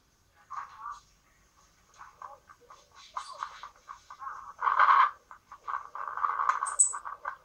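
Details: Wheezing on a pediatric stethographic lung-sound recording: repeated high whistling sounds during rapid breathing, from narrowed airways in obstructive bronchitis or bronchiolitis.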